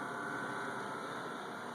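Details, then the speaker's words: Steady low motor hum with faint whine from a Philips Respironics SimplyGo portable oxygen concentrator on continuous flow around 1.5, heard from a short distance beside a speaking voice; normal operation. "I'm talking kind of the normal what would be a phone voice so you can kind of compare and hear against my voice how the simply go sounds"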